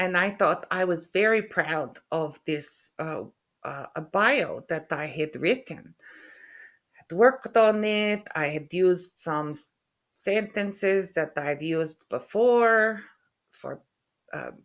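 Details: Aphasia in an adult woman after a stroke in November 2023, with word-retrieval difficulty and halting speech.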